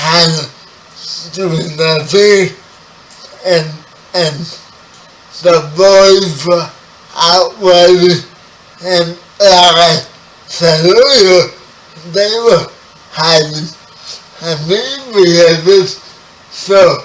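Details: 30-year-old man with spastic quadriplegic cerebral palsy, born 11 weeks premature; dysarthria (cerebral palsy).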